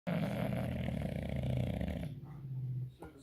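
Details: Bulldog snoring: a loud, low, rattling snore that fills most of the clip, then fades; heavy snoring.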